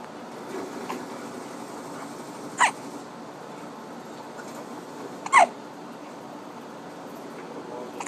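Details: Infant boy with hiccups while his father plays a video game nearby: two brief, sharp gulping hiccups about three seconds apart over quiet room noise; hiccups.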